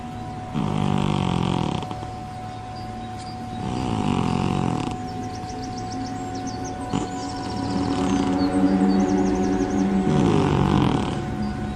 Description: When cat snoring in sleep he is in a state of deep relaxation.